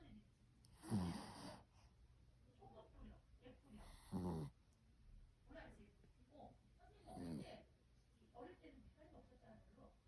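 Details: Sleeping poodle puppy snoring: soft, irregular snorting breaths with small snuffles between, about three seconds apart.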